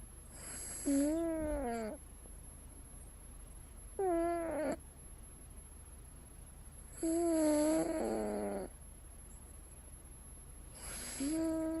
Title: Snoring cat